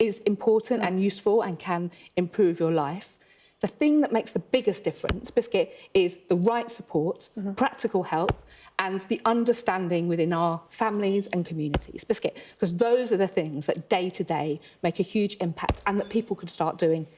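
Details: Real person with Tourette syndrome producing a repeated single-word vocal tic during speech: vocal tics (Tourette syndrome).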